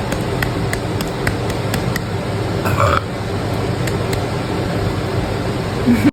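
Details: Girl burping: a short, low, throaty belch over steady loud background rumble and music.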